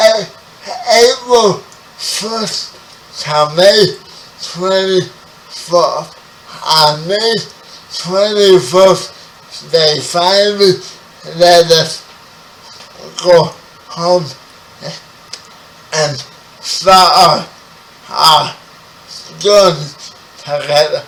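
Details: 30-year-old man with spastic quadriplegic cerebral palsy, born 11 weeks premature; dysarthria (cerebral palsy).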